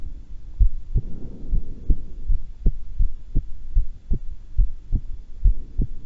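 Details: Heart sounds during a voluntary breath-hold while calm and not excited, breath held twice: clear paired low thumps, roughly 85 to 90 beats a minute, steady; normal heart sounds.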